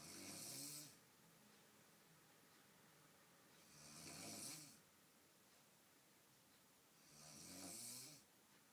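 Rhythmic hissing, rasping snores during inhalation, about three in eight seconds, with quiet pauses between; ordinary snoring.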